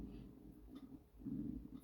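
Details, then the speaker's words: Low gurgling stomach growling (borborygmi) from hunger while waiting for dinner, rising and falling rumbles in a quiet room. "you hear my stomach growling i refuse to eat before dinner's ready i might not make it goodness"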